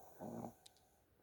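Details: A single rough, low snoring breath from a sleeping pug, then quiet room noise; snoring.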